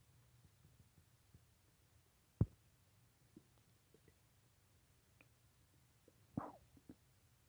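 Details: Adult unable to sleep late at night due to restless stomach: quiet low rumbling with a few brief gurgles and pops, bowel sounds.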